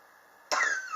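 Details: A single sharp, harsh cough burst from an adult with a chronic cough lasting since summer 2016, still present in 2019. The patient attributes it to extreme indoor temperature changes, and medicine and home remedies have not helped.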